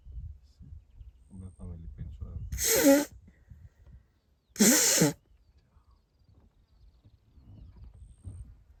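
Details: Person with a stuffy nose outdoors in Kenya, near a lioness in the bushes: two loud, hissing sneeze bursts a couple of seconds apart, with quiet outdoor noise around them; sneezing.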